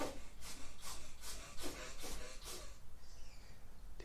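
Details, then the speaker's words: Rapid repeated "machine gun" sneezes from a small animal, about seven short, sharp, evenly spaced sneezes, after which he runs out of the room. "you hear that on do the machine gun sneeze oh he's now run out of the room"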